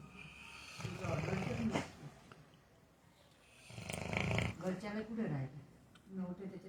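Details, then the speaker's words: Sleeping dog snoring: two long, rough, low snoring breaths with snorting, separated by quiet pauses. "दोस्तो कुत्ते को अपने घूरते हुए मतलब खराटे लेते हुए बहुत कम सुनाया देखा होगा यह देख लीजिए आप स्लीपिंग सो नाइसली"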